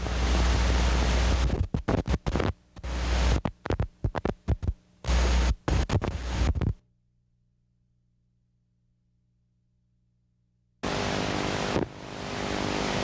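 Crackling, scratchy static bursts with needle movement that fall silent when movement stops: normal EMG insertion activity.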